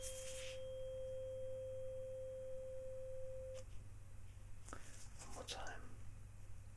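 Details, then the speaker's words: Weber test in a simulated cranial nerve exam: tuning fork on the center of the forehead, patient reports sound roughly equal on both sides; normal response. "now get it sound the same roughly on one side to the other I'll do that again just to make sure okay so let me know if it sounds more or less the sound at the same on each side okay"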